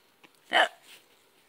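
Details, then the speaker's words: A smiling, happy infant boy who is cooing gives one abrupt, squeaky, gulping hiccup with a soft breath after: hiccups. "Oh, you have hiccups. You're still smiling. You're still smiling. You have hiccups."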